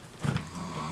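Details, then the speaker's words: A male who fell asleep while playing a phone game, snoring: a brief, low, rough rumble heard faintly against quiet room noise. "if you can hear both snoring by the way he's sleeping over there because he's playing a video game on his phone and he fell asleep"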